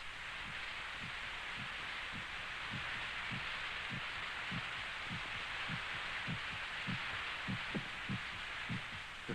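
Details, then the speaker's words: Heartbeat heard in a 1949 film from inside a sound-isolated room lined with spun-glass prisms that absorb outside noise: soft, regular low thumps, about 100 a minute, under the steady hiss of an old recording. "sound of our heart pounding against our ribs"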